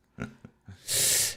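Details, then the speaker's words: Two brief snorting, buzzy breaths then a longer hissing breath from a pet named Twiggy snoring in the background; snoring. "so twiggy's doing some snoring in the background not sure if anyone can hear that"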